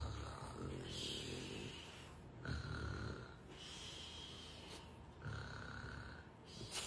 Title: It’s okay for them to snore in my ear all night #frenchie